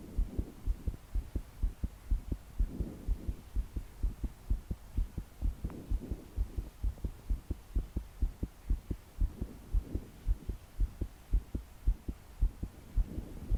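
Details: 22-year-old female trying to sleep, body shaking with each beat, deep breaths not helping: strong, fast thudding heartbeats over rain hiss with soft breathing; rapid, forceful pounding heartbeat.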